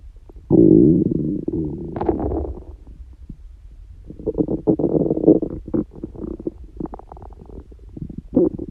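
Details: Stomach growling (borborygmi) in a person with a constitutional tendency to loud bowel sounds, not hungry and no stomachache: loud gurgling and rumbling, long low growls then bubbly pulses.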